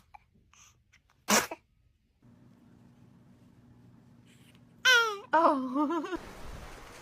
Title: baby sneezing 🤧😆😆😆